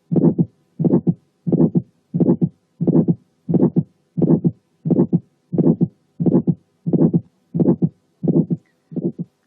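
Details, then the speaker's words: Early aortic stenosis with fibrosed but mobile valve cusps: regular heartbeat near 88 a minute; first sound, then an ejection click right after, an ejection systolic murmur, then the second sound. "وفي الحالات دي بنسمع الفيرست ساوند وبعديها على طول ايجكشن كليك ثم الايجكشن سيستوليك مامر ثم السكند ساوند زي الحاله اللي جايه."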